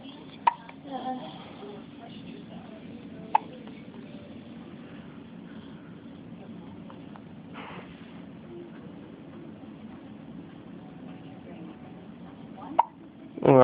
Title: Hiccups in hospital